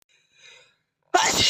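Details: Faint hissy in-breath, brief pause, then one sudden loud explosive burst of air and voice from a boy: a single sneeze.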